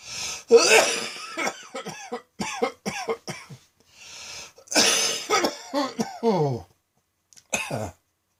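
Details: Midday coughing fit recorded on a phone after a felt throat tickle, leaving the person light-headed: rapid runs of harsh, forceful adult coughs in clusters, noisy gasping in-breaths, then a last short pair.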